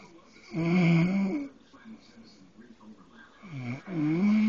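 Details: Loud, rattling, vibrating inspiratory snoring with softer noisy breathing between, from an adult man sleeping; typical adult snoring.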